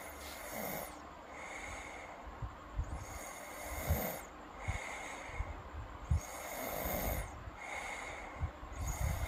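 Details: Snoring girl (ASMR recording): steady cycles of noisy breathing with low snorting snores on each breath, about four breaths; ordinary snoring.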